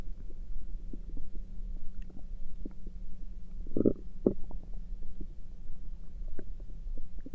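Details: Overnight stomach noises: low steady rumbling with scattered soft clicks and two brief louder gurgles; ordinary bowel sounds (borborygmi).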